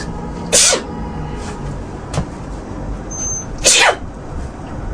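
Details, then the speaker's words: Acted sneezing by a blonde woman auditioning for an allergy commercial: two forceful hissing sneezes a few seconds apart, with a softer puff between them, over steady background hum. "this is my second audition for The Allergy commercial and I'm ready to do some sneezing for you"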